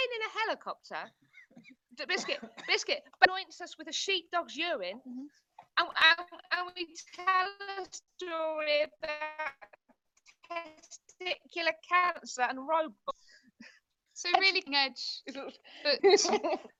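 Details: Vocal tics of Tourette syndrome in a woman, involuntary, including frequently repeated words like 'biscuit' and random words like 'hedgehog' and 'sheep dog'.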